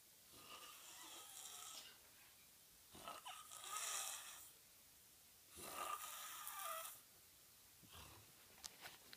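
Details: Three long, harsh, whistling snores separated by quiet pauses, roughly 20 breaths a minute; loud snoring during sleep.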